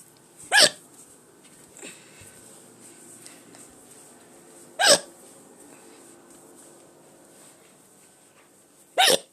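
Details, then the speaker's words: Person filmed on June 8th deliberately recording ongoing hiccups: three sharp, abrupt hiccup sounds about four seconds apart in a quiet room; ordinary hiccups. "okay please have another hiccup there we go okay uh"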